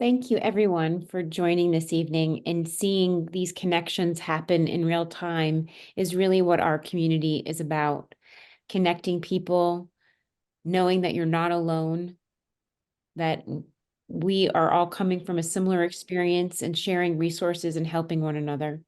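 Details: Adult woman speaking; normal voice.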